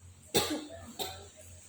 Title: VIRAL!!!! BAKSO RUSUK LEGENDARIS DICURUP||SAMPE BATUK BATUK